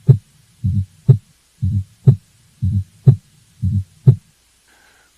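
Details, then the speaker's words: Regular heartbeat about 60 a minute with a soft extra sound just before the first heart sound, an S4 gallop ("Tennessee" cadence) caused by blood striking a stiff left ventricular wall. "then that blood slams into a stiff left ventricular wall and that causes the S4 I'll play you an example of the S4 now"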